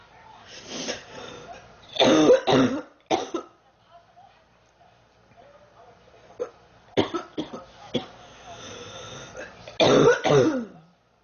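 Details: Girl, sick for about 3 weeks, feeling hot and unwell: repeated bouts of harsh coughs, about a dozen in all, with quieter breaths between; ongoing cough during illness.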